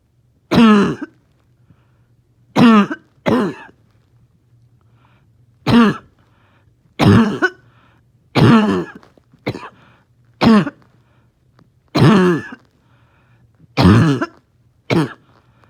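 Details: Dog struggling to rest, with morning coughing: about eleven harsh, bark-like coughs with a whistling, wheezy tone, irregularly spaced over fifteen seconds, a barking wheezy cough.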